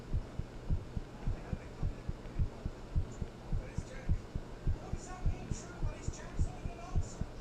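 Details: Heartbeat recorded after talking with someone and then thinking about them: steady, regular low thumps about 105 per minute over a faint hum; quick but regular.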